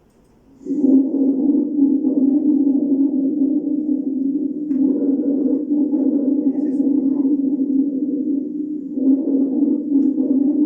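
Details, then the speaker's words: Teaching example of wheeze: continuous high-pitched, musical whistling, mainly expiratory, from small-calibre bronchi. "el sibilante A diferencia de roncus es un sonido más agudo y es básicamente expiratorio se va a producir en los bronquios de pequeño calibo"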